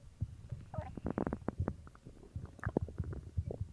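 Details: Stomach growling after drinking cola: irregular low gurgles and bubbling rumbles from the belly, ordinary normal bowel sounds.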